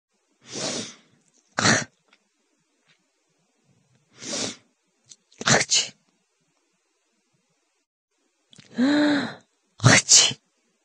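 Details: Adult gives three sneezes, each with a quick gasping inhale before a sharp explosive burst, recorded on a Google Pixel 4a phone; sneezing.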